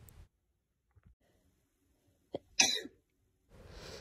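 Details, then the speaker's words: Induced sneeze without known allergies, brought on by a rolled tissue point covered in dust and fast breathing in and out through the nose: a quick sharp breath in, then one loud, hissing sneeze in a quiet room. "it normally takes a few tries but i've found that it does always work within a few minutes so if you just give me a second oh i think i have another one"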